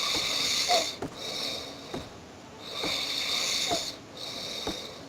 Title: Whos That Snoring Hmm?